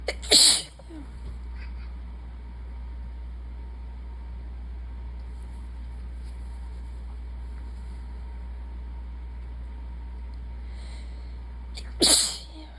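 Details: Person who is tired and sick sneezing: two sharp sneezes about eleven seconds apart over a steady low room hum.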